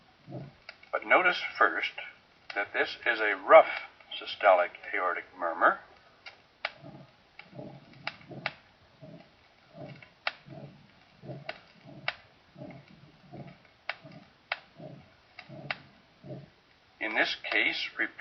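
Rough, harsh systolic murmur at about 60 beats a minute, taking the place of the first sound, with no second sound: aortic stenosis. Brief narration before and after.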